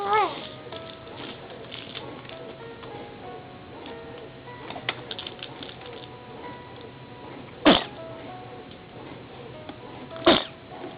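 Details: 3-month-old infant weighing 10 pounds 14 ounces, cooing: two brief, sharp sneezes over soft cooing, with background music; sneezing.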